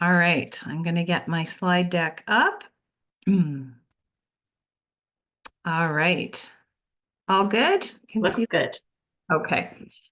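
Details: Adult woman speaking; Normal speech.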